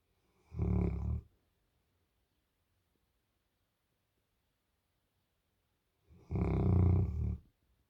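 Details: Sleeping Bernese Mountain Dog with tongue out, dreaming: two loud, deep, rattling snores about five seconds apart with silence between them; snoring.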